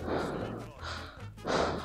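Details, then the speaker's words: A man who says he has shortness of breath and does not breathe this way on purpose: loud, effortful breaths close to the microphone, audible laboured breathing. "Arada böyle oluyor. Hani nefes darlığından oluyor beyler. Yoksa ben de gidip bilerek diye nefes almıyorum yani."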